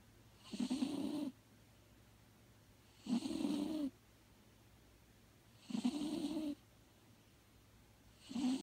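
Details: Maggie, 19½ years old, lifelong snorer: regular rattly snores, each under a second, about 24 per minute, with quiet pauses between breaths; ordinary snoring.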